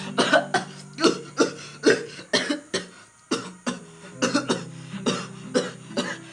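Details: Acted coughing in a Manado-language comedy skit about types of people who cough: about fifteen harsh coughs in short, uneven runs over six seconds, with a faint background hum.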